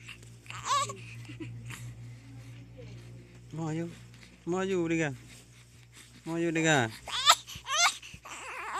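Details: Cute baby crying: three wailing infant cry bursts with short pauses, over low room hum and adult voices.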